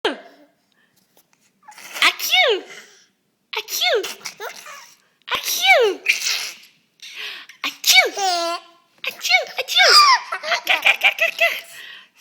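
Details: Young child finding sneezing funny: several sharp, explosive sneezes in a row, mixed with his laughter and voices.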